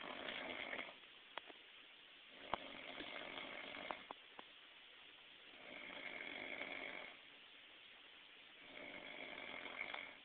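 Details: Loud, rough, rasping snores about every three seconds, roughly 20 breaths a minute, with quiet pauses and faint clicks between, from a drunk man; snoring.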